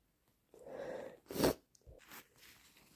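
A drawn-in breath builds into one sharp sneeze, followed by snuffling nasal sounds; hay fever sneezing.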